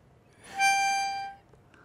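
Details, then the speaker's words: Metered dose inhaler with valved holding chamber (spacer), simulated breathing in too quickly; brief steady whistle from the chamber as feedback to slow inhalation; valved holding chamber whistle. "if you breathe in too quickly many of the valved holding chambers may whistle providing feedback to slow down that sounds like this"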